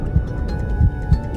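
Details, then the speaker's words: Rapid, soft whooshing thumps over a steady hum, fetal heartbeat monitored on ultrasound scan of the mother's abdomen, rising as the mother talks to the baby; fetal heartbeat. "The familiar sound of her voice raises the baby's heartbeat. a clear sign it's responding to her."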